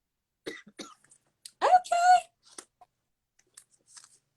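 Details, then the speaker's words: Adult with walking pneumonia and bronchitis coughing during a conversation; cough. "Y'all, please excuse my coughing. I have walking pneumonia and bronchitis right now, so I'm trying to be great."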